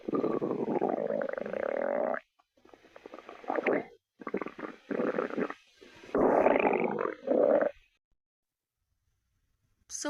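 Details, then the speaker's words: Loud, gurgling, groaning rumbles in several bursts with brief pauses: stomach growling (borborygmi) from an empty stomach in someone who had not eaten anything. "Wait, is that your tummy I hear? Yes, it is."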